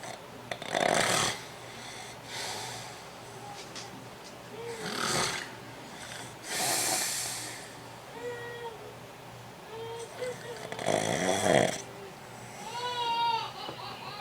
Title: Brother in law snoring!! He is going to kill me!!! Lol